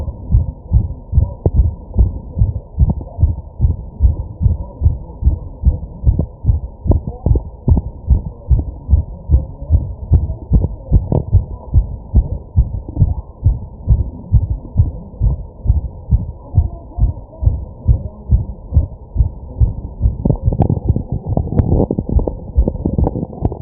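Rapid, steady low thumping heartbeat, fast enough to count as tachycardia, with faint breathing and room noise.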